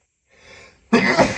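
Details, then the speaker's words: Acted sneeze in a role-play scenario while hiding: a soft inward breath, then one loud sneeze burst from someone allergic to lavender, with a strong nasal tickle. "I need to sneeze like 10 times in a row to get this over with. My My nose My nose is begging for it. I need to sneeze so bad."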